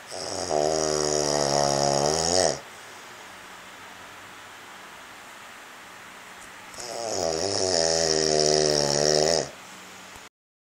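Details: Snoring in an adult man asleep, loud enough that earplugs didn't help: two long, droning, tonal inspiratory snores about seven seconds apart, with quiet breathing between them.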